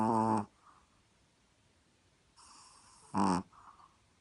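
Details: Sleeping Chihuahua dog snoring: brief buzzing snorts with soft airy breaths between them.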